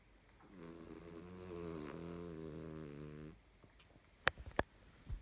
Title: Snoring Dog